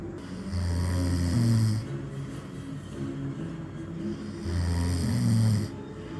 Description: Old man snores loudly and annoys beautiful girl.